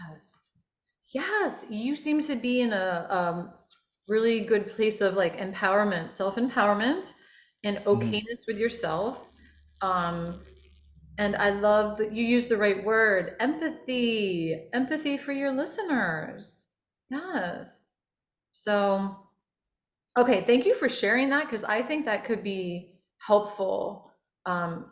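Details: Adult woman speaking; Normal fluent speech.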